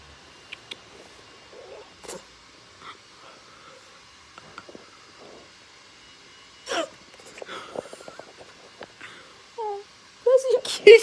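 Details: A cat sneezes; the owner remarks that it has allergies.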